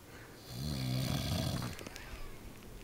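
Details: Snoring in a sleeping dad: a single low, rattling snore on an in-breath lasting about a second, then quiet room noise.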